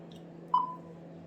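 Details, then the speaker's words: Nihon Kohden biphasic defibrillator (pacing, AED, manual modes) during its basic device check: single short electronic alarm beep over low room hum as red, yellow and blue alarms and voice instructions are tested. "Red alarm आ रहा है, yellow alarm आ रहा है, blue alarm आ रहा है।"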